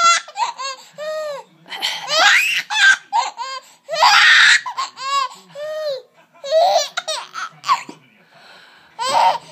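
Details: Mother gives a few deliberate, playful coughs, each answered by an infant's high, bubbly laughter.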